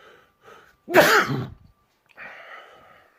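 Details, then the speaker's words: Person sneezing loudly toward the recording phone: two quick in-breaths build to one loud explosive sneeze, followed by a breathy exhale; sneeze. "I sneezed the phone and now the phone cannot off the recording."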